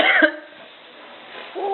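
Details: Single short cough, followed by quiet room sound and a soft voice at the end.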